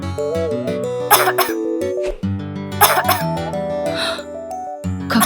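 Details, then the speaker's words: Acted child's coughs for a cough syrup advert about a prolonged cough: short paired bursts over steady background music. "долго он кашляет ведь пьем таблетки спросим у Гугла средства от затяжного кашля бромисол"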